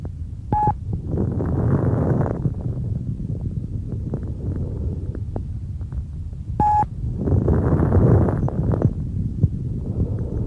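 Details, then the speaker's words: Teaching lung-sound recording: breath sounds with many brief, popping, high-pitched clicks through each breath, high-pitched crackles, also called fine crackles. "high-pitched crackles are also called fine crackles low-pitched crackles are also called coarse crackles listen now - high-pitched crackles"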